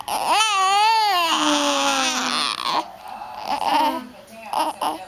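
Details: Infant, grumpy and tired from hiccups, possibly hungry: a long, wavering wail that tapers off, followed by short fussy whimpers; infant crying.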